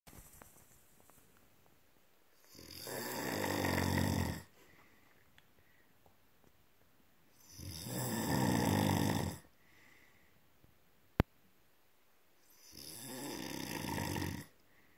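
Three loud, rough snores on the in-breath, each about two seconds, separated by quiet pauses in a small room; ordinary snoring.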